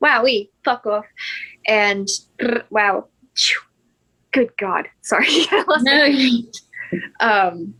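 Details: Tourette syndrome vocal tics in a woman; swearing and "wow" tics interrupt her speech while she tells a story.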